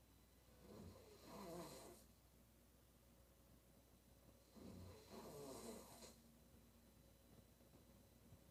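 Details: Woman snoring during sleep: two slow, rough, rattling inspiratory snores, about 15 breaths a minute, over a steady low room hum.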